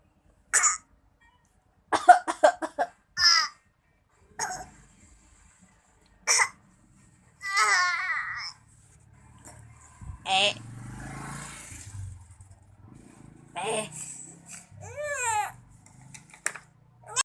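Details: Several short coughs from a child, some in quick runs, with whimpering and fussy cries between them; the child also has a fever.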